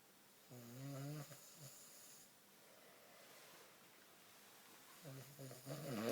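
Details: Snoring from someone asleep: two rattling snores on the breath in, about four seconds apart, with quiet breathing in between.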